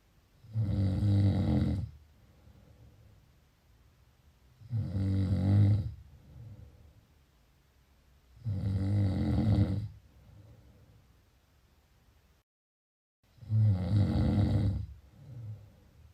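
Loud, low rattling snores on each in-breath, about 15 breaths a minute, with quieter out-breaths between.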